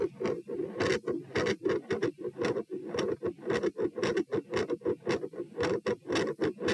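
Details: Auscultation stress test at position P (rates 78–102–120–138 bpm across lying, sitting, standing, bobbing, standing; unusually loud supine): fast, very loud, dense scratchy beats with stethoscope rubbing noise; murmur around S2.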